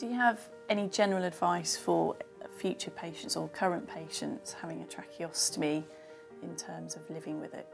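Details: Adult interviewer; typical speech.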